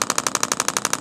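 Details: Intelect RPW 2 radial shockwave device pulsing over a tight tendon at a tender spot, gel applied, intensity around level six, uncomfortable but bearable: steady rattling clicks about twelve per second from an internal magnet striking metal.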